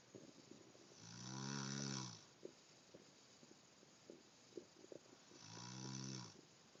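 Two loud, buzzing snores about four seconds apart, with soft clicks and quiet breathing between them in a small room.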